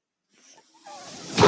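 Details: Mechanical ventilator breathing for a speaking adult man: quiet faint sounds give way to a rising airy hiss that ends in a loud gust as a breath is delivered.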